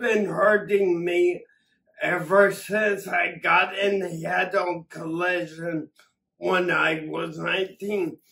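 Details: Adult man with acquired ataxia from several strokes affecting the cerebellum, ataxia present for over three years; ataxic dysarthria.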